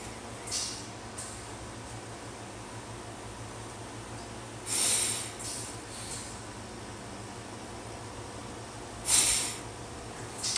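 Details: Adult with advanced pulmonary fibrosis, over 70% of the lungs scarred, breathing through an O2 Trainer set to a small opening: slow, forceful hissing breaths against room noise; inspiratory muscle training.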